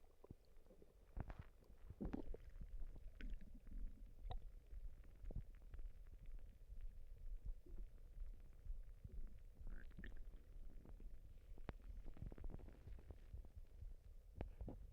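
Low gurgling and rumbling abdominal sounds with scattered short pops; ordinary stomach rumbling from gas and fluid moving through the gut.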